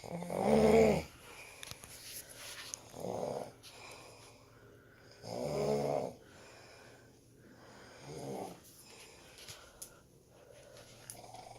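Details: Rhythmic rough, rumbling snores about every 2.5 seconds during sleep, loud then softer: snoring.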